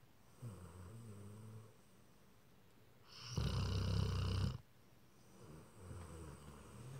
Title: Simba the snoring Rottsky